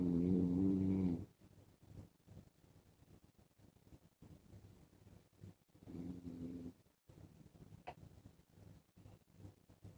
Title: MY DAUGHTER HAS A COLD SO MY HUSBAND SNORES WITH A MASK